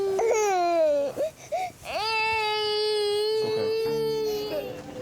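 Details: Loud, sustained, high-pitched crying with wails and brief catches, heard in a hospital A&E; ordinary distressed crying.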